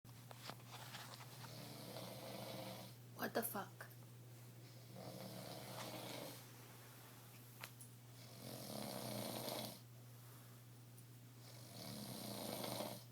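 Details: Sleeping husband snoring heavily: slow, rough snoring breaths every three to four seconds, with pauses where the listener says he is not breathing before the snoring starts again.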